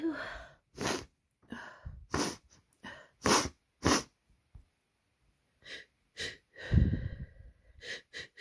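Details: Person with a cold whose sneezes keep getting stuck: several quick hitching in-breaths, then a series of sharp sneezes, more gasping breaths and further sneezes; repeated sneezing.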